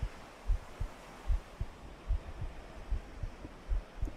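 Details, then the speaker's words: Heartbeat heard through a shirt from someone who says they are sick: soft, regular low thumps at about 75 a minute over a faint hum. "check it there we go you should be able to hear my heartbeat"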